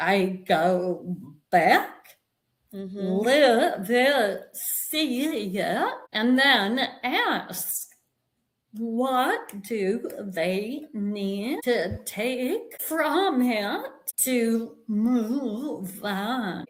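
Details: Vocal tremor in an adult woman, real, which the description attributes to over five decades of narcissistic abuse and trauma, beginning at age five, affecting her body and nervous system.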